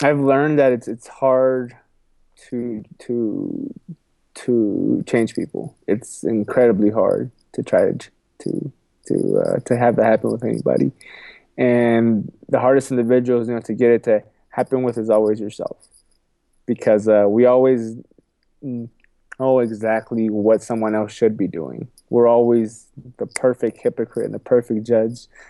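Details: Adult man with a lifelong stutter, repeating a phrase and words several times and saying "excuse me"; stuttering.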